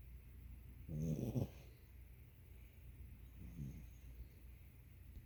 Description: This is one of my dogs, Zuul, asleep on my lap with his head on my belly snoring loudly.